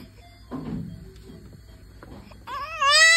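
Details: Newborn shortly after birth, described as hungry and keeping its hand up: soft fussing, then a rising, high-pitched wailing cry over quiet room noise; newborn cry.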